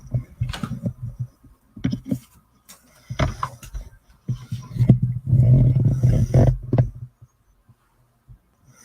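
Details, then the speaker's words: Pet dog snoring while sleeping near the microphone during a livestream. "she's making me sleepy she's making me very sleepy and she snores like that"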